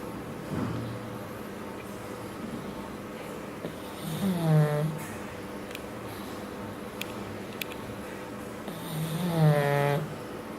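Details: A sleeping pug snores in slow, rough, rattling bursts, about twelve breaths a minute, with a faint squeaky edge; dog snoring.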